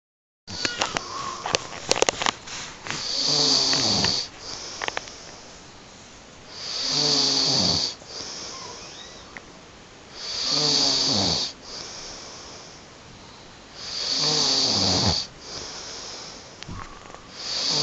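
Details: Sleeping woman snoring: loud, rough snores on each in-breath, about every three to four seconds, roughly 16 to 17 a minute; snoring.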